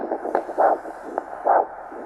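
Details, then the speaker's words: Ankle-brachial index measurement with a handheld Doppler, arm systolic pressure 100 mmHg: rhythmic whooshing pulses at the ankle as cuff pressure is released, a normal posterior tibial arterial signal with good flow. "we're gonna gradually release the pressure gradually release the pressure until we hear the signal again"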